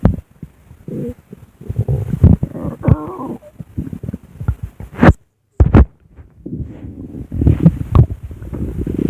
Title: my recorded stomach growling w/art